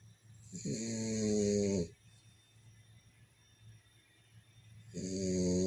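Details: Loud, rattling, tonal snores from a sleeping French bulldog, one on each in-breath about four seconds apart with quiet between; snoring.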